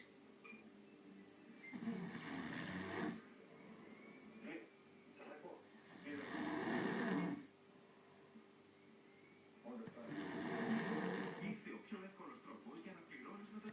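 Loud, rough snores on each breath in, about 15 a minute, with quieter breathing between them in a small room.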